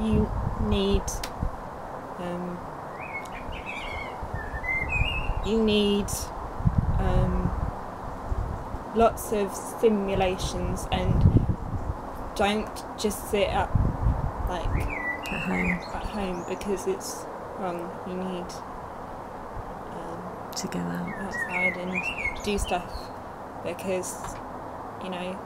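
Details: Young woman two years after a stroke at age 18, with Broca's aphasia affecting speech, reading and writing; effortful speech with frequent hesitations and word-finding pauses: Broca's aphasia.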